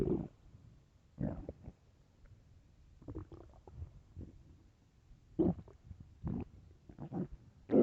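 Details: Loud hunger stomach growling (borborygmi): low gurgling rumbles and bubbling growls at irregular intervals.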